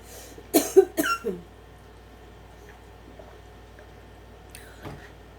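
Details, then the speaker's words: Adult with a sore throat and a cough drop in the mouth, coughing while speaking. "can you'all hear the cough drop in my mouth I have a sore throat now"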